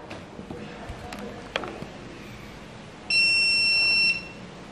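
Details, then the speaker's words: Power-on alert from a Heart Guardian Radian HR-501 AED defibrillator, which has adult and child settings: a steady high electronic tone lasting about a second, with faint room noise before it. "Nah, selain itu di sini kelebihannya yaitu ketika kita tombol powernya ini ditekan,"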